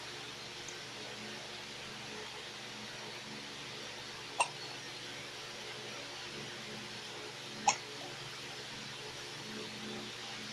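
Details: Hiccups: about three short, sharp hiccups at uneven intervals over ten seconds, in a quiet room with steady background hum.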